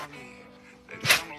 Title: Crazy sneezing 🤧 #trending #trend #animals #funny #pets